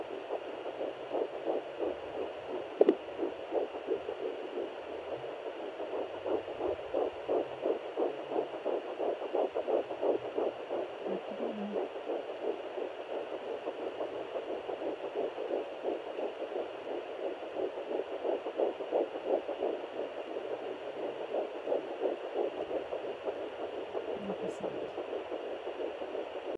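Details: Pocket fetal Doppler at 9 weeks 4 days of pregnancy: rapid, regular whooshing pulses at about 175 beats a minute: fetal heartbeat.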